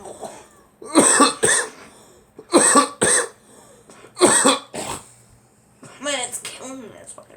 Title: Girl coughing